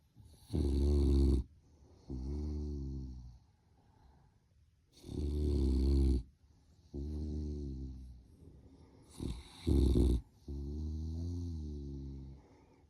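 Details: Puppy sleeping in its bed during a morning nap: loud, deep snoring over three slow breaths, rumbling snore on each in-breath and softer groaning out-breath, about 13 a minute.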